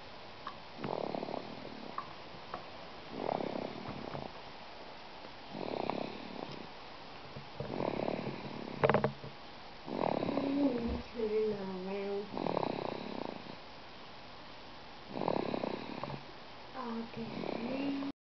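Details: Snoring: soft rhythmic rasping breaths repeating about every 2.5 seconds, roughly 24 a minute, with some squeaky tones.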